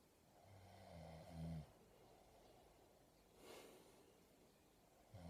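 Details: Sleeping person gives a loud, low rattling snore on the in-breath, then a breathy out-breath, and the next snore starts, in a quiet room: ordinary snoring.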